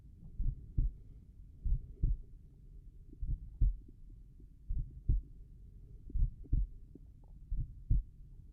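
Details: Normal heart sounds at the tricuspid area, slow regular lub-dub at about 41 beats per minute.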